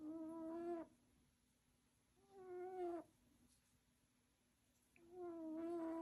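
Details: Cat snoring: three high, whistling, squeaky breath sounds at a steady rhythm of about 25 per minute, with quiet gaps between.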